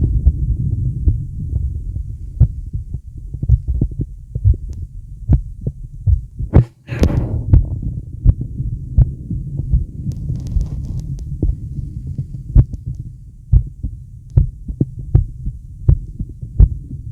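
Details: Adult male heartbeat during deep breaths: steady low thumps partly masked by a loud rumbling wash of breathing, one sharp rustle midway.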